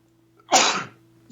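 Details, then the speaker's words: An adult on a podcast sneezes into the mic during a recording: a single loud, explosive sneeze with a sharp onset and a brief trailing rush of air. "me had to sneeze there oh my God yeah did that sound like a small explosion"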